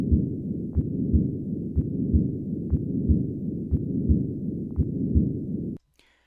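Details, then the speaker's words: Patent ductus arteriosus heard at the second left intercostal space: regular heartbeat near 60 a minute under a constant machinery-like murmur that peaks around the second heart sound and declines in diastole, never pausing. "listen once again to the machinery-like murmur of a patent ductus arteriosus"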